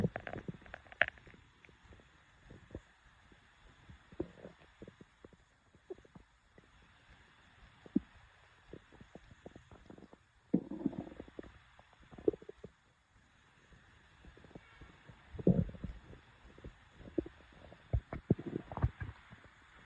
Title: Stomach growl. Feed Me Now!